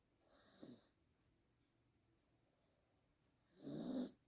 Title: My Pomeranian snores loudly.